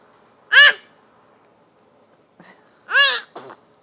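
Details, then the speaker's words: Baby sneezing, or possibly making sneeze-like noises: short high-pitched bursts with quick catches of breath in a quiet room. "You okay? You good? That one of his sneeze or he making noise? You confusing me."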